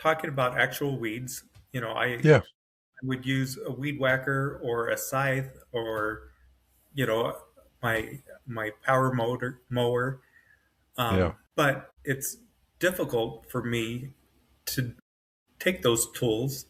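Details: Adult man with post-stroke aphasia, severe on emerging from a coma and now moderate to mild, with full cognition but difficulty getting words out; aphasia.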